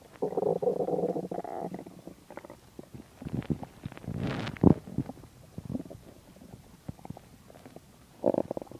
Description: My stomach digesting a lot of food :) My stomach is usually quiet so in this vid it surprised me :p